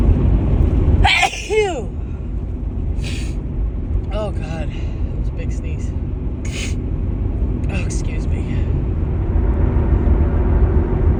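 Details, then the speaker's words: One loud, harsh voiced sneeze over car engine rumble, harsher than her usual sneezes; female with repeated sneezing, suspected grass pollen allergy. "Oh God, so these are like way harsher than my normal sneezes."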